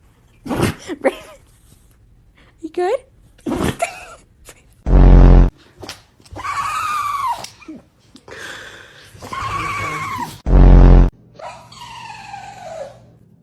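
Several sharp, loud nasal bursts among short vocal sounds in a small room; dog sneezing.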